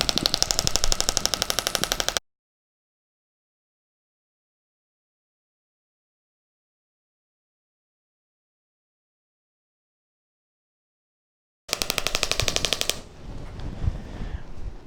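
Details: Radial shockwave therapy on the outside of the knee in a chiropractic clinic: rapid, regular clicking bursts, about four per second, with a long silent gap. Compressed air drives a steel rod against the applicator head, creating a sound wave.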